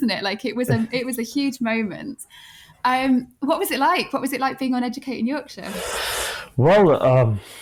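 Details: Adult woman speaking; typical speech.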